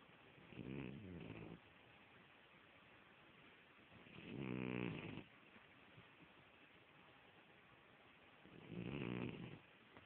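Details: Sleep snoring: three long, rough snores on inhaled breaths over ten seconds, about 18 breaths a minute, with quiet room noise between them.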